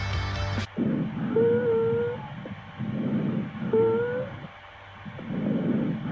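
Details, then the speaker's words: Wheezes: musical whistling tones during exhalation from narrowed airways, sometimes audible without a stethoscope, as in asthma or foreign-body obstruction. "Sigilancias, ruidos chilones en los guías respiratorios estrechas. A veces se escuchan sin necesidad de estetoscopio, ejemplo, asma obstrucción por cuerpo extraño en los pulmos."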